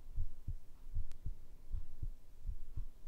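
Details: Heartbeat: soft, low paired thumps at about 75 beats a minute with faint background hiss; normal heart sounds.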